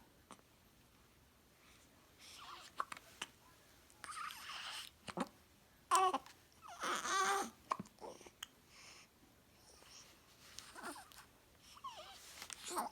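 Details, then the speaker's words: Young child with hiccups: short, sharp, irregular catches of breath mixed with soft babbling and whimpers in a quiet room; hiccups. "Do you have the hiccups? Uh-huh."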